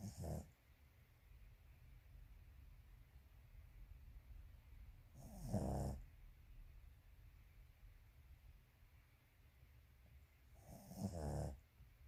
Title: Snoring Dog